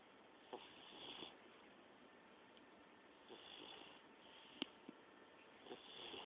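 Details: An Olde English Bulldogge sleeping in a quiet room makes soft, airy, slightly whistling breaths about every two and a half seconds, with a couple of faint clicks: dog snoring.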